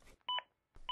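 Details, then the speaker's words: ZOLL AED Plus demonstration: short electronic two-tone feedback beep, prompting every 15 seconds when chest compressions fail to reach the target depth of at least 2 inches. "if your compressions aren't at least 2 in deep the AED plus will let you know the AED will let you know every 15 seconds if you don't reach the target CPR depth"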